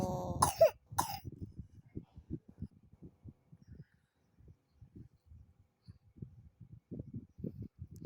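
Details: A young boy, described as coughing and weak/listless while eating, gives two harsh coughing bursts, then soft low clucking and chatter.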